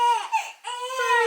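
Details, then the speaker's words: Newborn girl, 2 days old, crying before a feed after not crying for two days: short, clear, high-pitched wails with brief pauses, an ordinary hunger cry. "actually crying now yeah she hasn't cried for two days to be fair"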